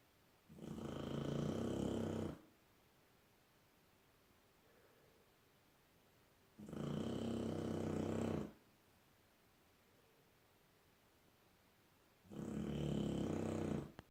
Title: Labrador pup snoring like a drill